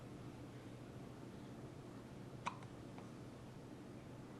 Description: Cute baby hiccups